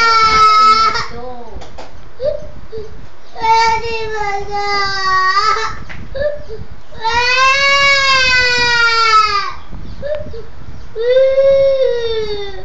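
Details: A young child wails loudly in long sustained bursts with sobbing breaths between them, begging for an older sister to come out; an upset young child crying.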